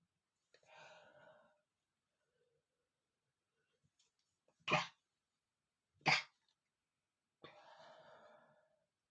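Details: Adult man giving two sharp, explosive sneezes in quick succession after accidentally smelling flowers, with drawn-out voiced breaths before and after; forceful sneezing.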